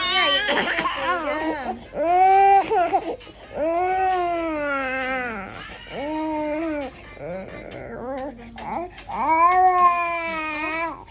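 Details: Baby with a cough and cold crying: repeated drawn-out wails with brief breaths between, an adult voice faintly in the background; infant crying.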